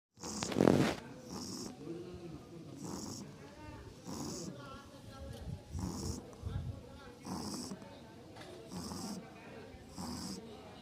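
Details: Pug snoring: repeated soft snorting breaths during sleep, about ten cycles a minute, with a louder snort at the start.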